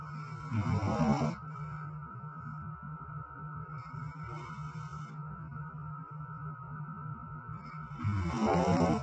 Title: Can’t even snore in peace these days 🤦🏼‍♀️🙃🫣😂 #fyp #snoring #ihateyou #tired #couple #stap